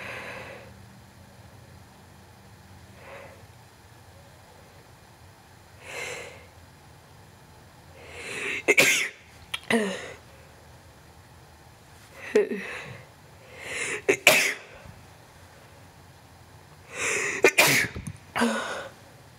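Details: Adult sneezing several times, each sneeze preceded by a quick, audible inhaling build-up.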